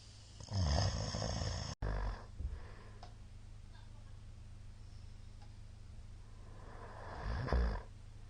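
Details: Heavy snoring from a sleeping middle-aged man: two loud, rattling snores about six seconds apart, with quiet breathing and a faint steady hum between them.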